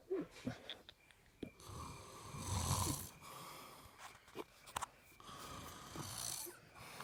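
Irregular rough snorting breaths with some whistling tones and snorts between; snoring in a sleeping ape.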